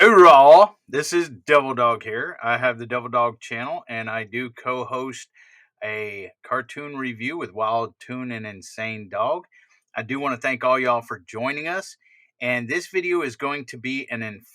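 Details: Adult man speaking; Normal conversational speech.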